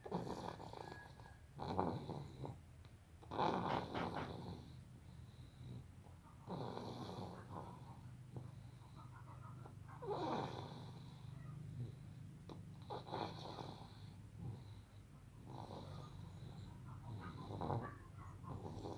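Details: Snoring during sleep: repeated rough, rattling breaths, about one every three seconds, roughly 20 a minute.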